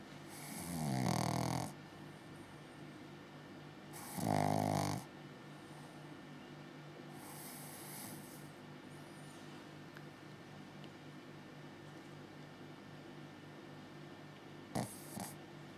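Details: Six-month-old Pug-Zu puppy snoring while asleep: quiet rhythmic snorting snores on inhalation, with soft room noise in between.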